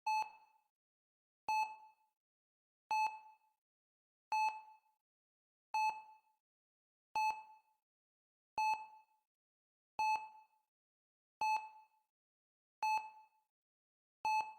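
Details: Sound-effect recording of a hospital EKG monitor: steady, evenly spaced single-tone beeps, about 42 a minute, one per detected heartbeat.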